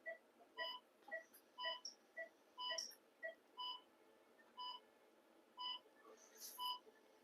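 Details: Phacoemulsification machine tones during single-port cataract surgery on a 6-year-old female diabetic dog, with the pupil bleeding slightly and vacuum set at 400; short electronic beeps about once a second, shifting pitch as machine settings change, over quiet room hum.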